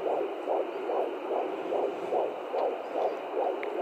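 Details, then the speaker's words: Fetal heartbeat at 15 weeks 2 days on an at-home Doppler: rapid, regular whooshing pulses, about 146 beats a minute, sounding different from different probe angles. "It's weird, it sounds different from different angles you get it at."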